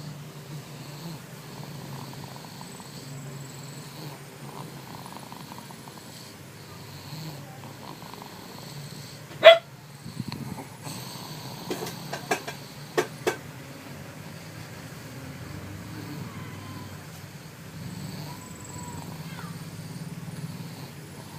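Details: Soft, low rumbling snore from a sleeping pet, steady and quiet, with a few brief clicks midway; snoring.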